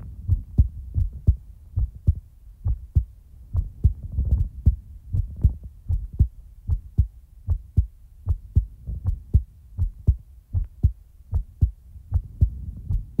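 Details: Real-time heartbeat recording: steady, regular, soft paired lub-dub thumps at about 76 beats a minute; a normal heartbeat.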